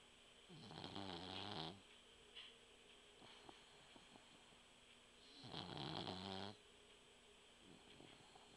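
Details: Sleeping puggle dog: two long, buzzing snores, each about a second, separated by a quiet pause; snoring.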